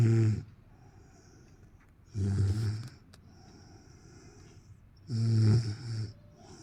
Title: snoring hahaha(1)